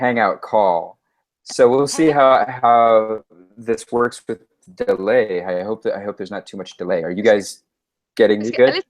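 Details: Adult male speaker; ordinary speech.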